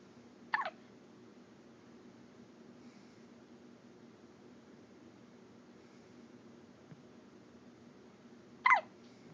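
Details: Two sharp, abrupt hiccups about eight seconds apart against quiet room noise; the person gets hiccups daily: hiccups.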